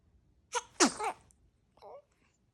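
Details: Newborn girl in deep sleep wearing a bunny rattle bracelet: a single small, high-pitched sneeze with a soft catch before it, then a faint rattle, and she went straight back to sleep.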